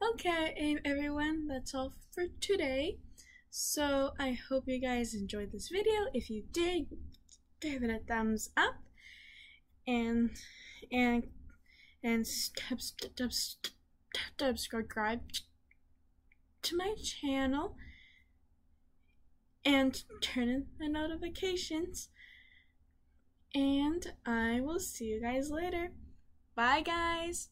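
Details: Stuttering in a female speaker, with word repetitions and fillers.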